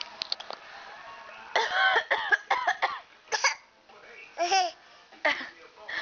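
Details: A 9½-month-old infant copies an adult's coughing: short playful voluntary coughs traded back and forth, with babbling and laugh-like sounds.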